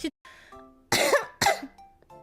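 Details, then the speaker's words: Adult girl with a bad cold trying to suppress a cough; two short, harsh coughs with a throat-clearing quality over faint background music. "그 전진력 도자시점 제가 지금 약간 감기가 너무 심해서 약간 헛기찜 지금 약간"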